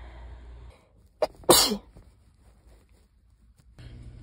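A short indrawn breath, then one loud explosive sneeze, with faint room noise before and after.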